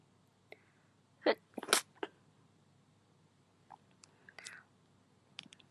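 A quick cluster of two or three sharp, explosive bursts with soft noises around them, in a quiet room; sneezing.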